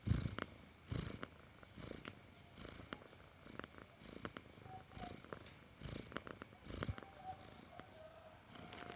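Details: A sleeping cat makes soft, rhythmic, raspy breathing sounds in quick succession, gentle and purr-like; snoring.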